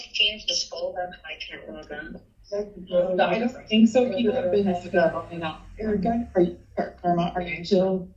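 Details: Adult speakers in a meeting room; ordinary speech.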